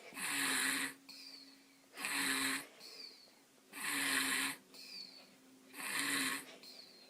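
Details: Sleeping baby snoring: regular soft, whistly snores at about 30 breaths a minute, with a slight tone on each breath.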